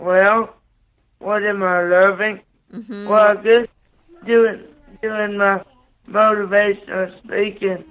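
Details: 27-year-old man with cerebral palsy after premature birth (three months early) following a car crash; neonatal brain bleed and stroke leaving right-sided paralysis; blind; seizures controlled with medication; speech in cerebral palsy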